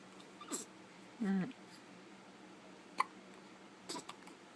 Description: Twins hiccuping together